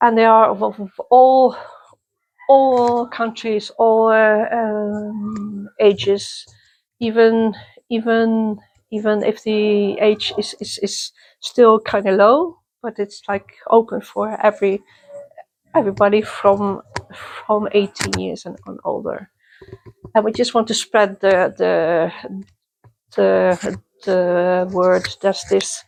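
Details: Adult woman who stutters, attending youth meetings for people who stutter since 1995; part-word and whole-word repetitions; stuttering.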